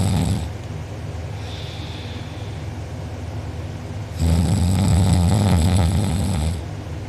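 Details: Loud, rough, low rattling snore on each inhale with quieter pauses between, recorded by a sibling during deep sleep; mouth open and drooling, uvula and soft palate sore afterward: heavy snoring.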